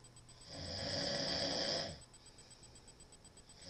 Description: Obnoxious snoring, cigarette in mouth LOL